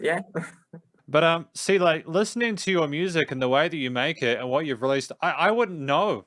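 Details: Adult male interviewer; Normal fluent speech.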